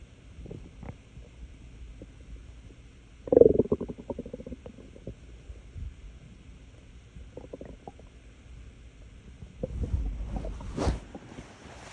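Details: Wolf with loud gurgling and rumbling stomach noises in bursts against a quiet background; borborygmi.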